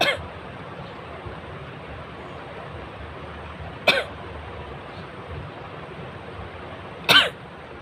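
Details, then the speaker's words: Three brief, dry single coughs a few seconds apart over background hiss, coming instead of a sneeze while deliberately tickling the nose to provoke sneezing. "উঠলো না, কাশি হলো।"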